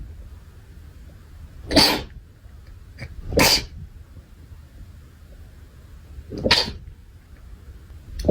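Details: Repeated sneezing from a small animal: three short, sharp, hissing sneezes a few seconds apart.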